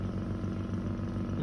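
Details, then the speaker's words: Yuwell 7E-A portable phlegm suction machine running with the tube blocked by a finger: steady low motor hum as the vacuum builds and the pressure gauge rises. "I have blocked my finger in the tube. You can see whenever you will block the way of suction, it will increase the suction."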